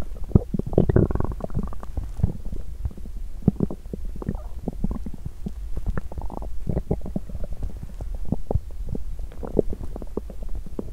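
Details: Loud gurgling and rumbling from a woman's empty stomach after exercising while hungry, with bursts of bubbling and squelching over a low hum that continue for a while: active bowel sounds (borborygmi).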